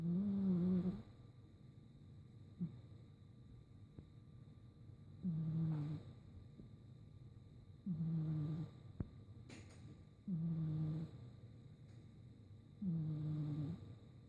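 Regular low, buzzing snores on each breath, about 12 breaths a minute, with quiet pauses between them: snoring in a sleeping cat.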